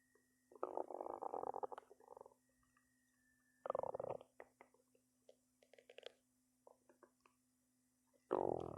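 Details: Person's belly growling a lot, nonstop: low gurgling rumbles in bursts with scattered bubbling pops between, over a steady faint hum; stomach growling (borborygmi).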